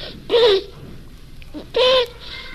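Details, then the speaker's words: Forced, artificial psychogenic cough of a 10-year-old boy wanting to avoid school, who underwent bronchoscopy to exclude an inhaled foreign object: two loud, honking, goose-like tonal coughs; psychogenic (habit) honking cough. "they cough for a particular reason usually to get out of school or to avoid examinations and may present a difficult diagnostic problem"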